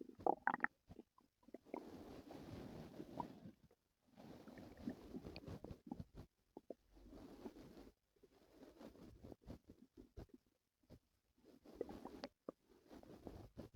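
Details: Stomach noises from a person whose stomach hurt the previous night: soft, prolonged gurgling and rumbling growls in waves with brief pauses; active bowel sounds (borborygmi).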